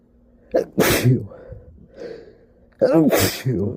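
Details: Sneezing attributed to allergies: two sharp explosive sneezes, each with a quick in-breath before the burst, then a short voiced exhale; ordinary sneezing.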